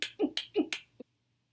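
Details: Person with Tourette syndrome and over 50 tics demonstrating a vocal tic that accompanies a grimace facial tic; vocal tic.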